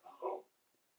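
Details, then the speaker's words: Single adult sneeze from the speaker's partner, heard from a distance: a muffled two-part burst, a short lead-in then a louder explosive release; the partner's sneezes are described as always very loud. "my other half sneezing i don't know if you can hear that it's always so loud i don't understand"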